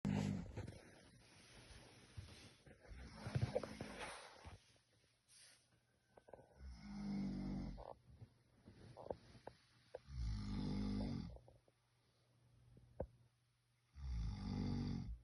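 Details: Unidentified person snoring at night at Lake Yojoa, Honduras: deep, rough snores recurring every few seconds with quiet gaps between, over faint night background noise.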